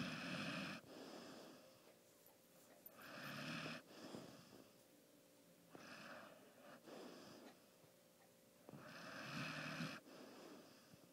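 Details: Rhythmic rattling snoring from a sleeping pet, one snore per breath roughly every three seconds, with quiet room background between them; the snoring was much louder earlier.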